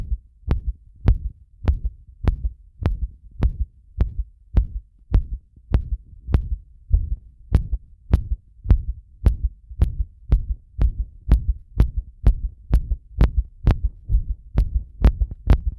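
Steady, rapid thumping heartbeat, about 120 beats a minute, with a sharp click at each beat and a low hum behind.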